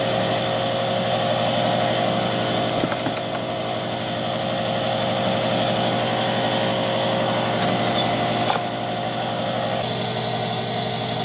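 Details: Guinea pig with a minor upper respiratory infection receiving vet-prescribed medication by nebulizer: steady loud mechanical buzz and hiss of a running compressor with no breaks, delivering medication as vapor.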